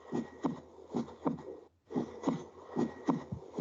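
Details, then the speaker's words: Normal heart sounds played for a semiology class: regular paired beats at about 74 a minute, a louder first sound (S1, AV valve closure, systole) and a softer second sound (S2). "Ahorita les voy a poner el sonido del corazón normal, ¿de acuerdo? No lo vamos a desglosar ni en S1 ni en S2, sino necesito que identifiquen cómo es un latido cardíaco."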